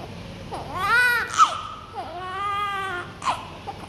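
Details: Newborn on first day in hospital: two loud, high-pitched wailing cries with short gasping breaths between them.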